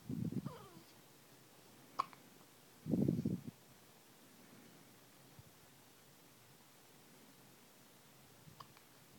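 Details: Two low, abrupt vocal jerks from a baby, with quiet clicks between, against room hiss; hiccups.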